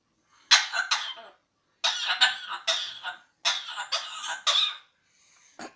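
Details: Parrot imitating a cough: three bursty groups of harsh, breathy cough-like sounds.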